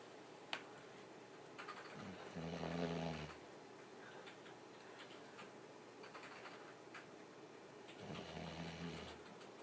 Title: Sofie the dog snoring away